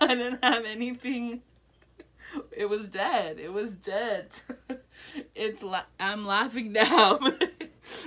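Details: Adult woman, real patient, one year after a stroke, with Broca's aphasia and impaired reading and writing; Broca's aphasia.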